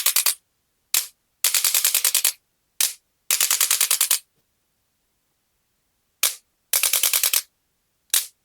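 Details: Male patient with L3–L4–L5–S1 disc bulges and bilateral sciatica with difficulty walking, after cervical adjustment to release a compressed nerve at the side: bursts of rapid sharp mechanical clicks, each a second or less, from a handheld adjusting instrument.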